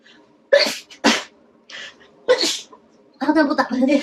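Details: Sneezing set off by a COVID-19 nasal swab test: three sharp, explosive sneezes in quick succession, then speech; repeated uncontrollable sneezing after the swab.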